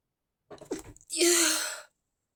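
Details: A deliberately induced sneeze: a brief sharp inhaled catch, then a muffled, hissing burst through a partly closed mouth; one stifled sneeze.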